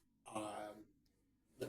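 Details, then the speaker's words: Man about to turn 53, unwell and sniffling, gives one harsh voiced throat-clearing cough followed by a short sniff in a quiet room; cough / throat clearing. "So, as I say, this was going to be a workout video, but as you can hear, I am coughing. I'm sniffling."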